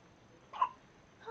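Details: Newborn baby girl only 3 hours old, first hiccups: one brief, abrupt catching sound against a quiet room; a single infant hiccup.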